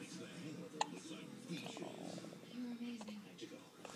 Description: at 13 days old, hiccupping